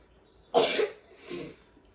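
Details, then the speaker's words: Several people coughing in a room: coughs. "can you hear all of us hacking and coughing still"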